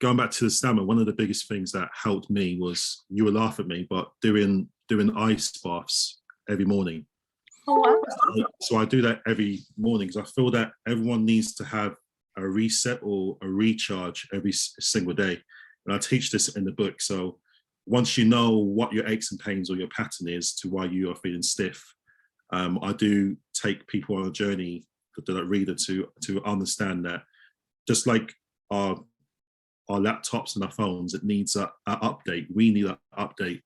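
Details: Adult male osteopath who stammers; stammering.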